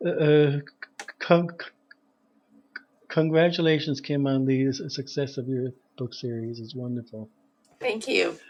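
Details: Stuttering in an adult man who says he is a person who stutters, with repeated part-word repetitions ("a a a a").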